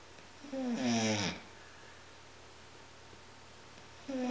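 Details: Penny, a pet, snoring during a Sunday morning nap: a short, raspy, whistling snore on one breath, then quiet, with the next snore starting.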